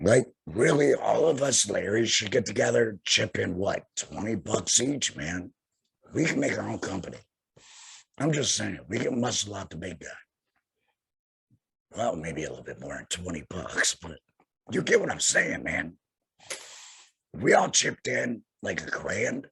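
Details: Tracheoesophageal speech in an adult male about two years after total laryngectomy for cancer, using a voice prosthesis with finger occlusion of the stoma HME; he says he must take a breath every sentence.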